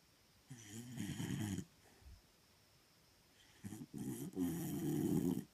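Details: Dog snoring in sleep: soft, low rattling snores with a pause, then a run of snuffling snore breaths.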